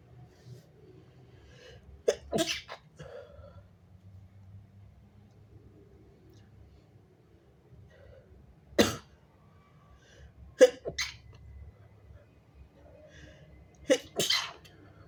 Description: strong, wet, big and stifled messy sneezes + showing snot